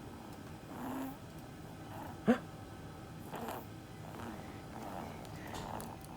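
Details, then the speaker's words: Cat having her first hiccups: soft, repeated little jerky sounds about once a second, one sharper. "Hey, baby girl. Do you have the hiccups? Do you have the hiccups?"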